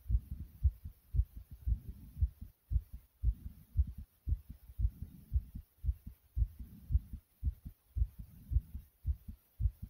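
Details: Loud, fast, regular pounding heartbeat at about 113/min after jumping.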